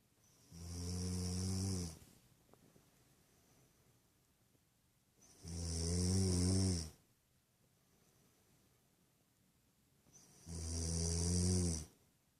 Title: "I dont snore!!" II